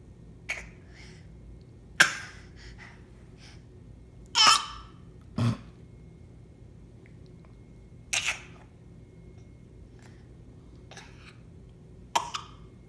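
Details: Several short, sharp acted (voluntary) coughs, spaced apart, in a quiet small room.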